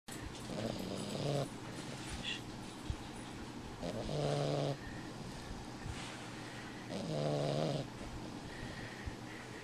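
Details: Dolly sleeping comfortably beside her sister: three loud, rumbling snores about 20 breaths a minute, with softer noisy breaths between: snoring.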